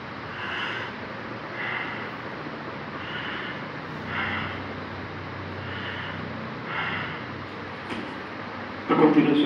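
Steady, even breathing with regular inhale and exhale sounds at an unhurried pace, then a brief noise at the end; a normal breathing pattern.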